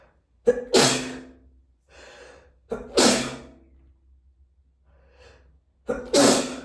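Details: Repeated congested, messy sneezing: three wet, explosive sneezes, each after a sharp catch of breath, with sniffling between them.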